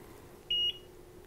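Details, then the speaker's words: Automatic IV infusion pump just switched on after cassette insertion, running its self-check: a single steady high beep over quiet room hum. "it's gonna run through a self-check so it'll just wait for that"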